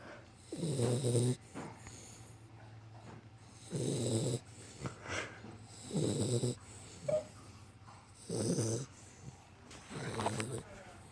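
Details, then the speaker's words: Female Pit Bull puppy, nearly 13 weeks old, sleeping exhausted after vaccinations and microchipping, snoring in a steady rhythm, about 24 low rumbling breaths a minute. "She got a chip, and she can't see straight. She's so tired. And snoring."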